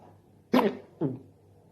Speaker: Des fois, je peux l'avoir pendant presque 1 heure. On va voir si ça dure aussi longtemps.